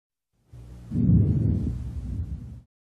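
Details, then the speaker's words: Normal vesicular breath sounds heard with the stethoscope diaphragm over the peripheral lung on the back: soft and low-pitched with no pause, 3:1 inspiration to expiration ratio. "Vicular sounds are normal in the peripheral lung. Soft low pitch with no pause and a 3 to1 inspiration expiration ratio."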